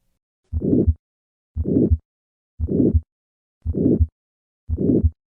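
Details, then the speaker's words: Calcific aortic stenosis murmur heard at the second right intercostal space: regular heartbeat near 58 a minute with a harsh late-peaking murmur between the heart sounds. "however careful auscultation reveals that the murmur retains its characteristic late peaking shape at the apex listen to this murmur first at the second right intercostal space"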